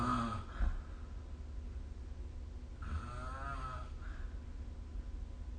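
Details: Snoring during sleep recorded with the SnoreLab app: faint, fluttering snore breaths with a low rumble underneath, over a steady background hum.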